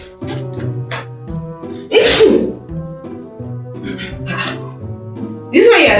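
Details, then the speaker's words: Two loud, acted sneezes over background music in a comedy skit; simulated ordinary sneezing. "Mommy, nothing's wrong with me, just sneeze. 2 times sneezing, you say it's just ordinary sneezing."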